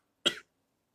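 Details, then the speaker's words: One brief dry cough from an adult woman teaching a live class, still coughing with a hoarse voice and sore throat. "Alors, je tousse toujours. Je tousse toujours."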